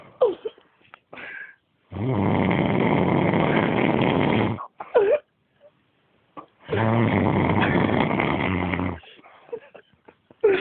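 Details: Person asleep: two long, loud, rattling snores with quiet breathing and soft snorts between them; heavy snoring during sleep.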